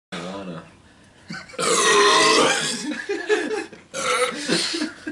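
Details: Man burping, possibly after eating: several loud, drawn-out, rumbling burps in a row with short pauses between them.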